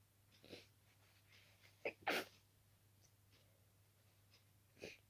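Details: Night-time sleepy sneezes from an itchy nose, thought to be caused by dusting the room before sleep: several sharp sneezes, two close together, with faint breathing between, in a quiet room.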